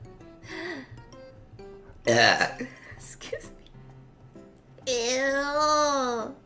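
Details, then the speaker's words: Burp compilation from a VTuber stream: a loud, rough burp between speech and laughter with music behind; burping. "yeah i was a double burp oh my god i can't get out of it i don't think i've ever double burped before that was insane"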